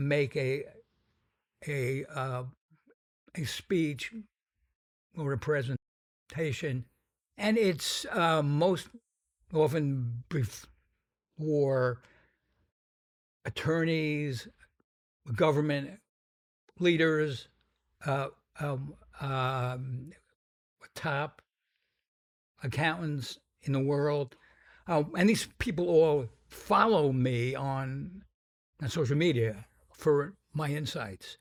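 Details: Adult man with a pretty strong stutter whose severity he says varies, speaking in an interview; stuttering.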